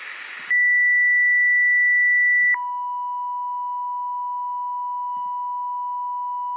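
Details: Simulated tinnitus from an online tinnitus-matching tool replicating what a sufferer hears: steady high-pitched electronic pure tones, a continuous ringing only the patient hears.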